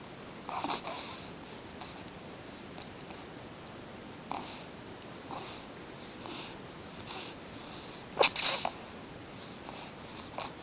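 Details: Kitten sneezing on its owner's leg, giving a run of tiny, hissy sneezes and snuffles, about seven in ten seconds, one louder, in a quiet room.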